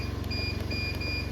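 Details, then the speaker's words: Medin CNO mini neonatal CPAP device with alarm set to optical-acoustic, push button pressed so it sounds and lights: repeated high electronic beeps, about three a second, over a steady low hum; alarm beep. "Jadi kalau kita mencet push tuh dia bunyi sekaligus nyala."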